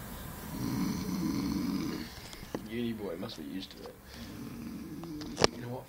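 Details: Sleeping boy snoring: rough, rattling breathing noise with uneven bursts, a few clicks and faint room sounds.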